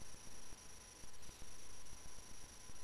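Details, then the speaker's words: Nursing cardiac-exam demonstration, stethoscope at the left sternal border, 2nd intercostal space (pulmonic area): regular soft heart thumps over a steady hum, normally heard as the single S2 of pulmonic valve closure. "move across to the left sternal border second intercostal space and listen we are hearing the sound of the pulmonic valve closing the blood has been pumped out of the right ventricle to the lungs"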